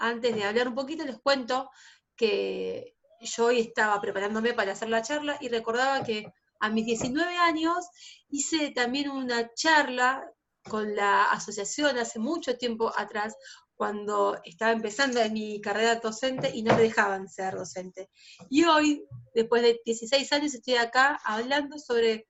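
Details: Adult female teacher who stutters, denied a teaching post when starting her career at 19; stuttering.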